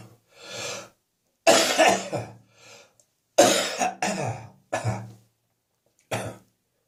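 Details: Repeated harsh coughs in short clusters with audible breaths drawn in between bouts: cough.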